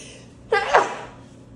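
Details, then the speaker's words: Single sharp sneeze with a brief intake before it, from an adult nursing student with bad allergies during a demonstration newborn assessment, over quiet room noise. "pardon me sorry I keep sneezing I really bad allergies"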